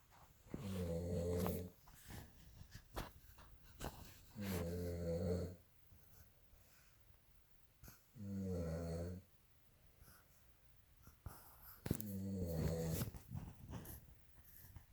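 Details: Adult snoring, recorded November 2018: four loud, low, rattling snores at about 16 a minute, each lasting about a second, with quiet breathing between; ordinary snoring.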